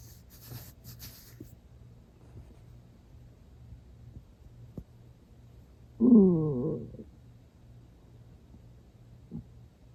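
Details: Ordinary stomach growling: one brief, loud, squeaky gurgle lasting about a second in a quiet room, in a person who was not very hungry and had eaten recently; water was drunk toward the end.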